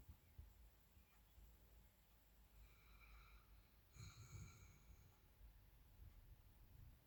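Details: Dog asleep on the owner's bed, recently noticed snoring loudly. Faint snorting breaths with a soft whistle on a couple of them, against quiet room noise. Light snoring.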